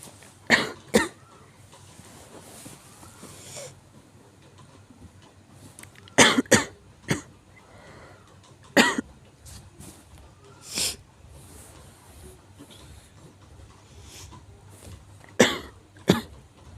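Repeated harsh coughs, mostly in pairs, about eight bursts with quiet breathing between: a severe, recurrent cough.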